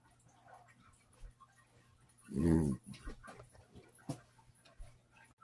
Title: how does a weenie pup snore you ask? #weenie #dachshund #dachshundlife #minidachshund #fyp #puppy